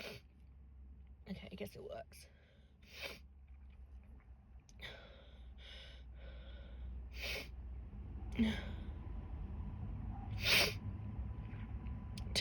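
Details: Person with a cold and sore throat, after trying an unnamed product to bring on sneezing: quiet breathy sounds over a steady room hum, then two sharp sneeze bursts near the end.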